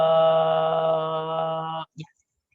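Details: Voice disorder from a vocal fold polyp, an added mass causing low pitch and chronic dysphonia; diplophonia, two tones heard at once.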